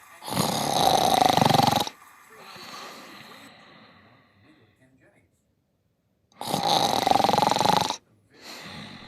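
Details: Cat snoring: two loud, rough snores about six seconds apart, each followed by a softer exhaled rumble.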